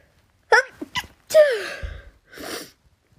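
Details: Quick catching breaths, then one loud sneeze and a breathy exhale, set off by a nasal swab during a COVID-19 test.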